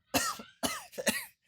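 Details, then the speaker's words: Adult coughing after inhaling tea into the airway: three sharp, harsh coughs in quick succession; cough after aspirating a drink. "Did you inhale that tea? I did. That's why I was coughing."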